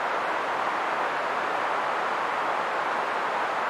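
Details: Generated narrow-band pink noise around 1000 Hz, a steady hiss used to find tinnitus frequency by pitch matching.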